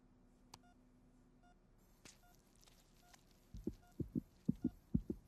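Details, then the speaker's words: Quick paired whooshing thumps over a quiet room with faint beeps: a fetal heartbeat during a pregnancy ultrasound scan in a dramatized film scene. "దడదడమని నా గుండె ఎలా కొట్టుకుంటుందో అది నీ హార్బిట్ కాదు కడుపులో నీ బిడ్డది"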